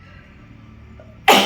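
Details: Sneeze from an adult woman with a cold, head pain, and dry cough that leaves her short of breath.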